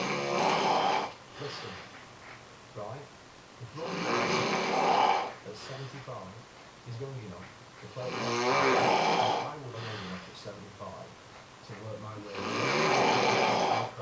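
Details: Adult man (husband) snoring while asleep, described as quite quiet for him: loud rasping snores on each in-breath, about 14 a minute, fairly regular, with quieter breathing between.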